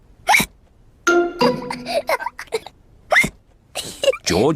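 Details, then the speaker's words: Acted cartoon hiccups (Peppa Pig's George, after drinking juice too quickly): short, sharp voiced hiccup sounds with music and narration between them; not a real recording. "george don't drink your juice too quickly george drank his juice too quickly and now he has hiccups"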